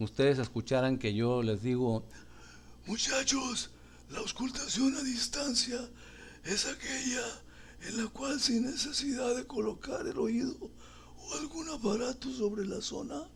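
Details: Male teacher imitating a hoarse voice (dysphonia), as if he had a throat problem, to demonstrate abnormal voice; acted, not a real patient.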